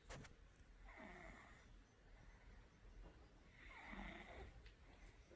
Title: Snoring Cat